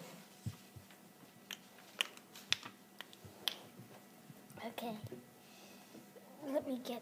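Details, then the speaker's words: Child cracking his toe joints with bare fingers: a few faint sharp clicks over quiet room noise. "Yeah, cracking. Ooh, at least cracked my arm a bit. Ugh, can't crack my other ones."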